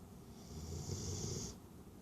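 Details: Snoring: one low, fluttering snore with a hissy edge, lasting about a second.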